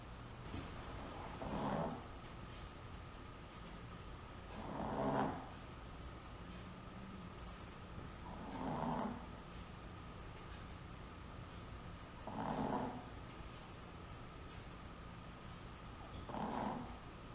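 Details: Chihuahua dog snoring in sleep: soft rhythmic snoring bursts about every 3.5 seconds, roughly 16 per minute, over steady room hum; long recording.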